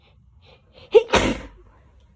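A quick indrawn breath, then one sharp explosive sneeze that fades into a short breathy tail, against a quiet room.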